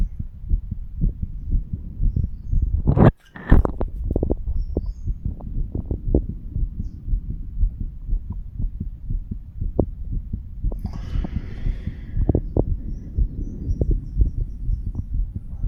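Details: Normal heart sounds in a 35-year-old male auscultating his own chest over the mitral, tricuspid, pulmonary and aortic valve areas: regular lub-dub beats around 60 a minute with some handling noise.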